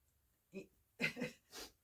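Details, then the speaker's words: Three quick, forceful nasal snorts and sniffs in a quiet room from an adult with seasonal pollen allergies (March to June, late August to December) and sinus trouble: repetitive allergic nasal sniffing. "do this in my nose for about a couple of months until it settles in. I don't know if you have allergies or not, but it's it's like clockwork right about March March to June and late August."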